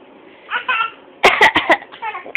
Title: Fake cough